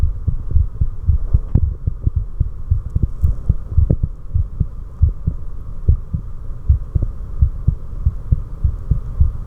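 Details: The recordist's own heart at rest: steady, regular lub-dub heartbeats with a low background hum; normal heart sounds.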